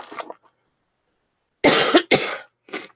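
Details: Adult woman with a cold and runny nose, ill for nine days and throat irritated; three loose, wet-sounding coughs in quick succession after a short throat sound.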